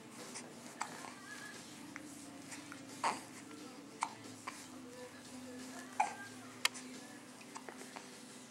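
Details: Happy infant making contented noises with hiccups: a few brief, sharp catches of breath spaced a second or more apart in a quiet room.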